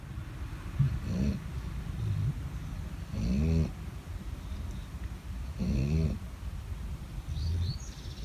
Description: Here’s a video of two dogs sleeping and snoring loudly.Cuteness overload right?